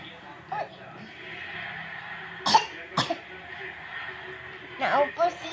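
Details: Baby with a cough.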